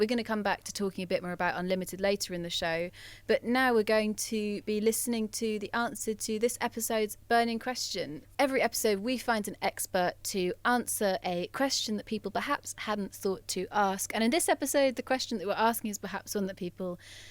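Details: Adult female presenter; normal speech.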